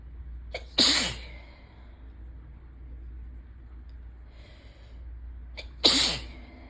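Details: Allergy sneezes in ragweed season with a suddenly sensitive nose, rain in the background: two forceful sneezes, each with a quick catch of breath before it, about five seconds apart over soft steady hiss; sneezing fit.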